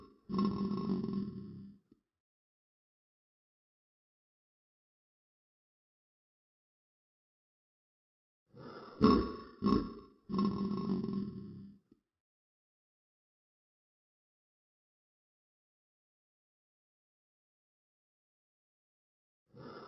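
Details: Talking Ben cartoon character audio slowed 2.5x: two groups of deep, drawn-out burp-like grunts separated by silence; burping.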